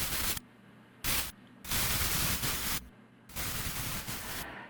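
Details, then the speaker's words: Simulated objective tinnitus: bursts of harsh crackling static switching on and off, a type arising from causes other than hearing loss. "그런데 비에게 이제는 다른 이명이 들리기 시작합니다 심장박동 소리 타자기 소리 지지직"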